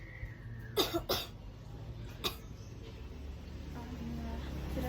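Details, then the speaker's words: Nursing student training an adult female client in effective coughing: after three slow deep breaths, each held 3 seconds and exhaled through the mouth, three forceful voluntary coughs to bring up sputum, in a quiet room. "Setelah itu batukan dengan kuat ya Bu ya, ke sekutum kuat"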